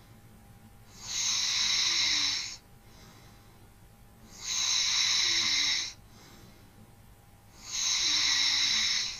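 Three slow, even rasping breaths with quiet pauses, about 18 a minute, over a faint steady hum: gentle snoring.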